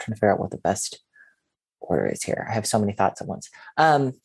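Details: Adult male speaker; typical speech.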